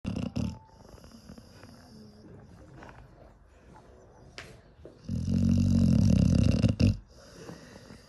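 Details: Sleeping pit bull: quiet breathing, then a loud low rumbling snore of about two seconds ending in a snort; snoring.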